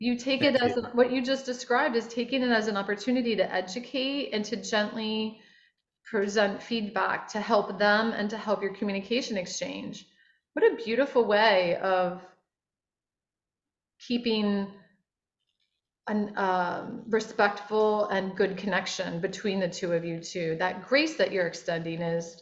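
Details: Adult woman speaking; Normal speech.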